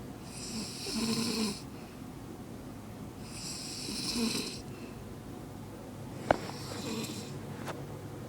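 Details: Snoring: three slow, rattling snore breaths about three seconds apart, roughly 20 a minute, in a quiet room.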